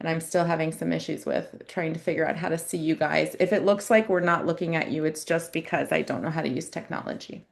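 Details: Adult woman speaking; ordinary speech.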